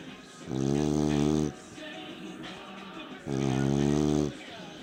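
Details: Loud, deep buzzing snores on each breath in, with quieter rattly breaths out between them, repeating about every three seconds, from a beagle: snoring.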